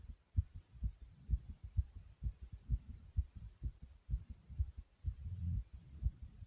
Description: In this video you can hear my heart beating and some breathing. it was also very Thumpy as well.